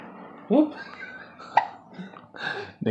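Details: A 3-month-old baby boy with hiccups: short, abrupt gulping hiccup sounds among faint voices in a small room.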